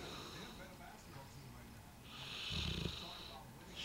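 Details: 2-year-old Bullmastiff napping after a large Christmas meal of turkey: loud, rough snoring breath with a fluttering rattle, typical of a large dog's snoring.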